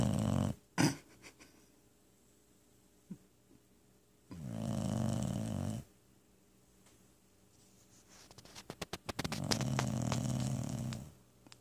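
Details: A dog, called a pup and "my old man", snores in sleep: loud, low, rattling snores lasting over a second each, with a snort and quiet gaps between them; snoring.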